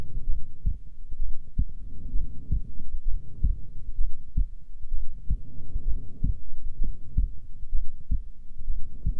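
Steady, deep thumping heartbeat at about 65 beats a minute, regular and even: a normal resting heart rhythm.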